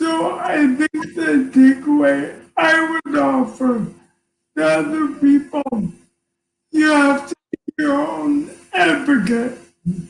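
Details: Man diagnosed with ALS in September 2019 at age 54, who says ALS is taking a toll on his voice and he can be hard to understand; dysarthria (ALS).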